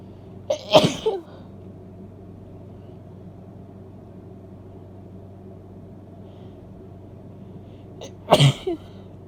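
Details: Female with a congested cold sneezing: two forceful sneezes several seconds apart, each a sharp intake and explosive release, over low room hum.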